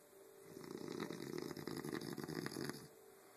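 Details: A man snoring while napping in bed, loud enough to be heard from another room over a TV: one long, rough, fluttering snore lasting over two seconds, with a steady background hum.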